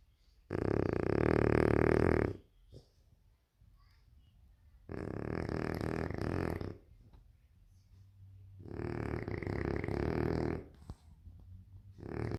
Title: My snoring Frenchie 🤣